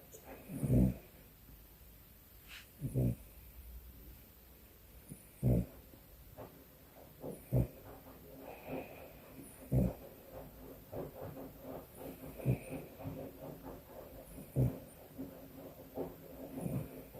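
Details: Sleeping dog snoring with its eyes open: loud, low rumbling snores about every two seconds, with snorty breaths in between.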